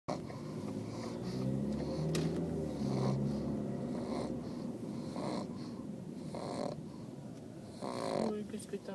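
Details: New pug puppy sleeping on the way home: soft, irregular rattling snores with quiet background noise.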